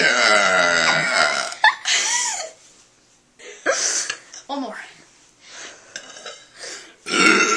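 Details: A run of long, loud, voiced belches shaped into the words of the Pledge of Allegiance, a deliberate burp-talking performance; burping.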